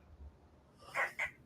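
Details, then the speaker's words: Small dog, overexcited after jumping and seeming to hyperventilate, gives two short, harsh honking breaths; owner suspects a collapsing trachea. "okay what i was trying to hear is um what did that what i could hear of that it sounds like what's called a collapsing trachea"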